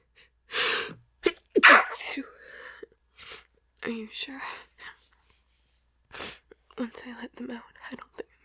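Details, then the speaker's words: Acted, unscripted scenario of an adult woman hiding in a closet and trying to stifle and muffle her sneezes: a series of forceful sneezes with sharp inhales and brief voiced sounds in a quiet room. "I can try to muffle it. I still need to sneeze."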